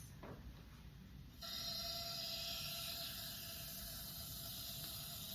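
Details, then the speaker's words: Simulation-lab demonstration of giving a nebulizer to an infant on oxygen: a quiet room, then a sudden steady hiss as the jet nebulizer, connected to air at eight and held upright, switches on and mist comes out. "So, I've connected it to air on eight is great. And right now, we see that mist coming out."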